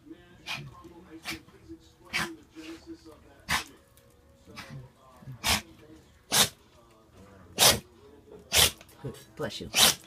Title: Buck sneezing.